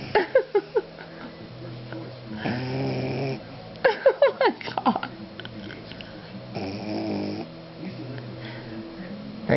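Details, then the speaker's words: Two loud, drawn-out rattling snores on the in-breath from a sleeping pug, with bursts of chirping sounds in between, in a quiet room; snoring. "funny. Your face is making noises."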